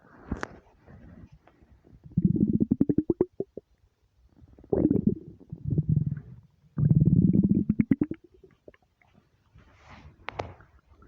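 Deep, drawn-out gurgling rumbles in several long bursts with quiet gaps, typical of an empty stomach rumbling; a normal finding.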